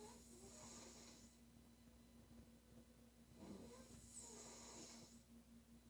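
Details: Woman snoring during sleep: soft, breathy snoring over two breaths with a steady background hum.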